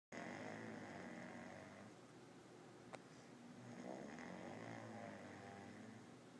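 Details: An adult snoring after a day of drinking: a soft, steady, fluttering rumble with two slow swells, like two long snoring breaths, against background noise.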